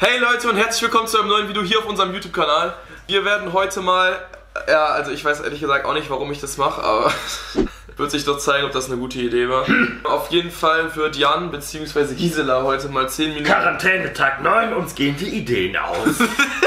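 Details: Adult man speaking German; normal speech.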